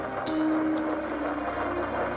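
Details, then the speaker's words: Faint, regular whooshing fetal heartbeat of an eight-week-old unborn child over a steady tonal background. "brain waves can be recorded along with a heartbeat let's listen to the heartbeat of an eight week old child"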